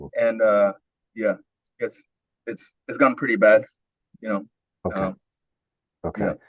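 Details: Adult man with a long history of stuttering, early coaching session, described as severe speech blocks, pushing words out; repeated filler sounds and repeated words; stuttering.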